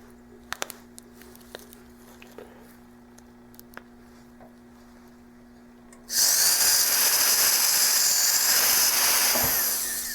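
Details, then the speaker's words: Dental implant crestal sinus lift using the hammerless kit: a quiet room with clicks, then about four seconds of loud high-pitched whine from a 3.2 mm safe-sided sinus reamer drill with a 10 mm stop, enlarging the osteotomy. "now loaded the three-point to safe sided sinus reamer profile drill sinus reamer drill and we're placing the 10 millimeter stop on it again they're ready to increase the size of our osteotomy to three point two millimeters"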